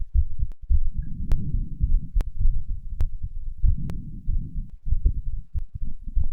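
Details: Heart sounds after exercise, third post-exercise recording: fast, regular, strong heartbeats of about 75 a minute with a low rumbling hum between beats; normal.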